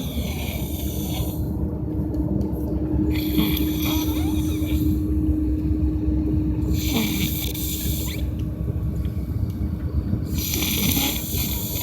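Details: An adult man sleeping in bed and snoring like crazy: loud, harsh, rattling breaths recurring about four times in twelve seconds over a steady low rumble. Heavy snoring.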